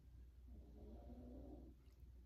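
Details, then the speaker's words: Loud, single drawn-out, low rumbling snore from a small female pet dog sleeping nearby, over a steady low room hum: snoring. "know if you guys can hear that my my little dog is snoring over here she's so loud"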